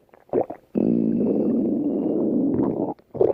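A long, low gurgling growl with short rumbles before and after. Ordinary stomach growling from gas and fluid moving through the gut.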